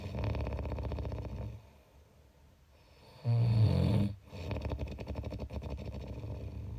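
Loud, low, rattling breaths with a brief quiet pause between them: snoring.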